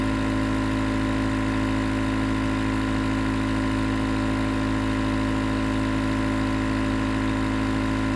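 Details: Nebulizer compressor running continuously, a constant low motor drone with an even hiss and no breaks, presented as 20 minutes of white noise for relaxation and sleep.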